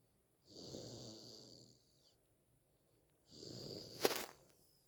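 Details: Snoring like a grown person: two long, low, fluttering breath sounds a few seconds apart with a faint whistle.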